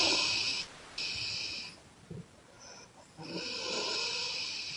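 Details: Young woman snoring loudly on exhalation: loud hissing, breathy out-breath noises with brief pauses.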